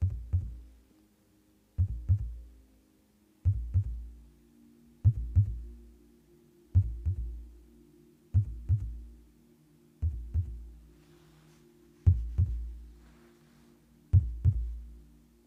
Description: There is no talking on this video just heartbeat sounds.